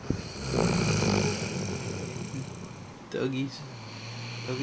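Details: Rhodesian Ridgeback dog snoring loudly while asleep after a long day at doggy day camp and two bowls of food: low, rumbling, rattling snore on a long breath, then a shorter snorting breath; recorded close up.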